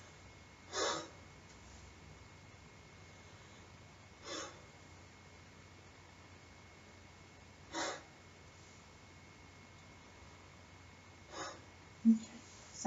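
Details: Four soft, even deep breaths about every three and a half seconds in a quiet room, with a few bumps at the end: normal clear breath sounds from a male patient during a nurse practitioner student's physical exam.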